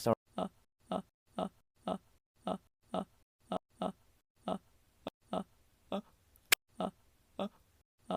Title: Me trying to sneeze